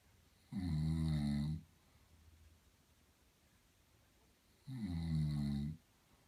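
Two loud, low, rattling snores about four seconds apart, with quiet breathing between them: snoring.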